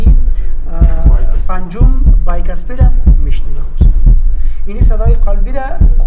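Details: Normal heart sounds: regular paired lub-dub heartbeats, about 59 a minute, under background music.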